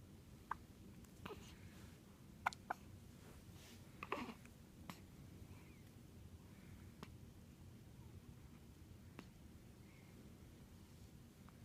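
Faint, sharp little clicks repeat every second or two over steady room hiss, fitting hiccups.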